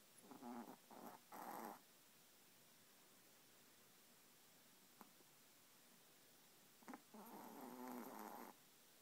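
Soft snorting snores in a few separate bursts, quiet in between, from a sleeping small dog.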